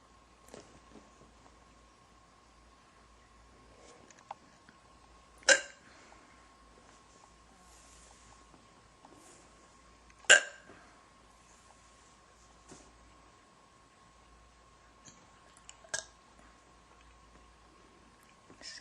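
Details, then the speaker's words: A girl with persistent hiccups: several sharp, abrupt hiccups about one every five seconds, in a quiet room with a faint steady hum. "I think that holding your breath just makes it worse. I don't think it actually makes them go away."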